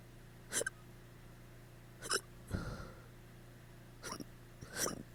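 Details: Hiccups after drinking too much the night before: five sharp, abrupt gulping hiccups about a second or more apart over quiet room hum.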